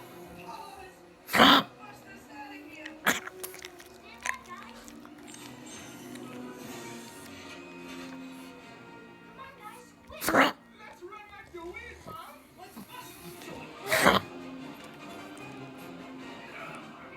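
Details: A pug with kennel cough gives several harsh, forceful coughs over background music. Kennel cough.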